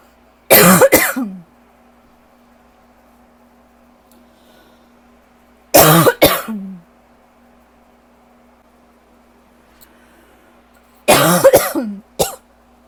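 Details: Person with asthma and allergies, likely worsened by lingering bronchitis, gives three short bouts of harsh, dry, hacking coughs of two or three bursts each, with quiet between: dry cough.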